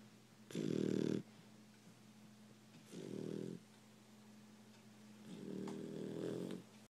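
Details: Sleeping dog: loud rattling snores, three in about seven seconds, over a steady background hum; loud snoring.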